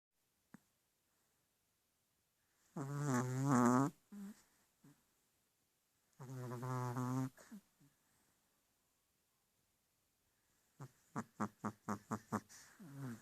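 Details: Sleeping pet snoring: two long, buzzing snores with fluttery snorts, then a run of short, rapid puffs.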